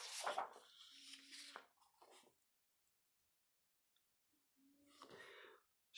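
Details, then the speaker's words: Pet named Tigrou snoring while lying beside the owner, heard faintly in the background of a cross-stitch session. "sais pas si vous entendez Tigrou. Il est en train de de ronfler. Il est assis."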